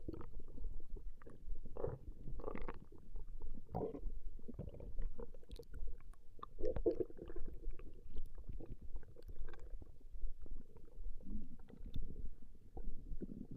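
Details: Recorded stomach growling of a female: continuous low rumbling and gurgling with irregular swells, ordinary borborygmi from gut movement.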